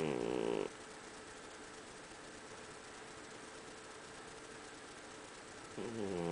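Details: A sleeping cat snoring very loudly: two short buzzing snore sounds at the start and end with a steady hiss between; ordinary snoring.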